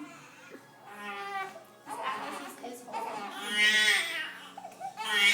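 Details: Newborn crying in short, rising wails with pauses between them, in a small room, during a chiropractic adjustment; infant cry.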